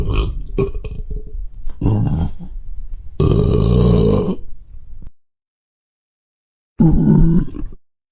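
Several loud, low, rumbling belches, one long and drawn out, from a sound-effect recording.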